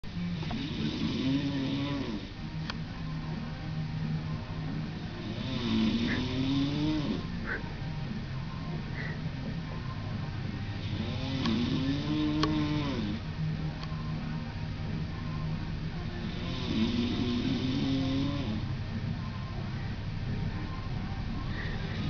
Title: LD Snoring